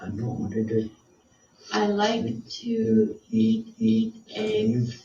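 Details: Client with severe expressive language delay and very limited speech, recorded before speech entrainment therapy while attempting a description task; non-fluent (expressive) aphasia.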